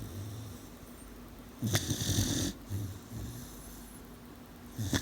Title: Aida Coronita / Sweet Dog Snoring / 18 Weeks Old